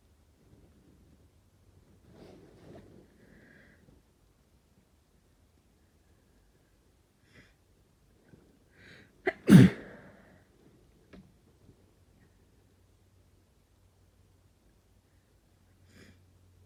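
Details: One sharp, forceful, uninduced sneeze with a quick intake before it, during a cold, too strong to stifle, in a quiet room with faint breathing.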